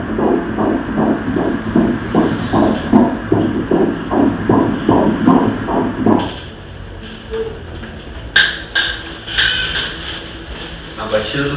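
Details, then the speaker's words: Fetal heartbeat on Doppler during obstetric ultrasound of a second pregnancy, fetus head down: rapid regular whooshing pulses, measured 158 per minute (normal range 120–160 stated), then fading into quieter scanning noise; normal fetal heart rate. "Ole tulaga masani ole va ole 120 ma le 160. I lenei tulaga, o le 158."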